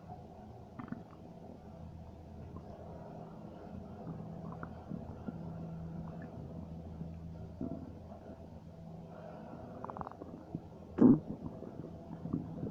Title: Stomach Noises 4